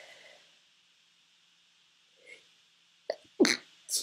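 Quiet sniff, then a sharp two-part sneeze burst with a following breath; an ordinary sneeze.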